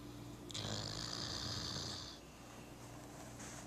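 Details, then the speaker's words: Dog sleeping on a couch after a hard day, snoring: breathing with a hissing, whistly snore on one breath, over steady room hum. "This is our dog Roscoe. He's snoring right now."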